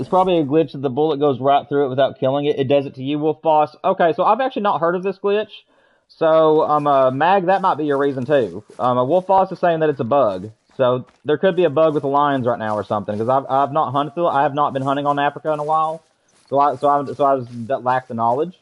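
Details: Adult male with self-reported stuttering, attributed to wanting to talk faster than he thinks and getting stuck in sentences; worse with little sleep, and he slept poorly the night before; stuttering.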